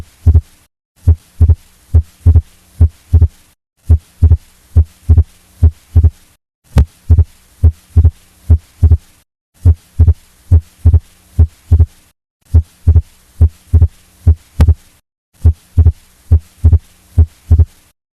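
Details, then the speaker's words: Heart sounds near 70 a minute with fixed splitting of S2: the second sound is split by about 60 ms and stays unchanged through inspiration and expiration. Murmurs are removed from the clip. "este exemplo mostra a divisão fixa da segunda bulha cardíaca a segunda bolha cardíaca permanece inalterada durante a inspiração e a inspiração em 60 milissegundos"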